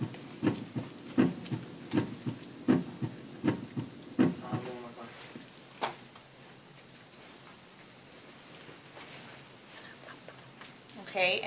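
Simulated heart at the mitral area: clean paired beats about 80 a minute with no murmur, normal heart sounds, then fading to quiet.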